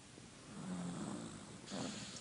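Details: Small Chihuahua asleep who does not wake when called; two soft, buzzing snores on breathing in with a slight whistle. Ordinary snoring.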